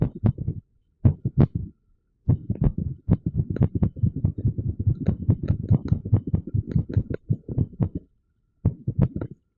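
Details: Low heart thumps at uneven intervals with pauses between runs, recorded with TENS; irregular heartbeat.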